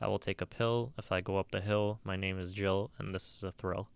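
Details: Clanging read aloud as an example of a schizophrenia speech pattern: words strung together by sound, such as rhyme, rather than meaning.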